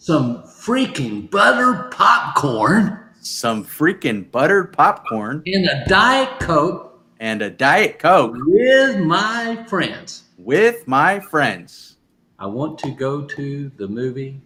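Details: Adult man speaking; aphasia.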